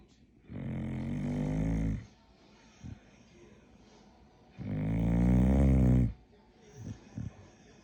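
Two long, loud, rumbling snores on the in-breath with quiet pauses between; ordinary snoring from a sleeping dog.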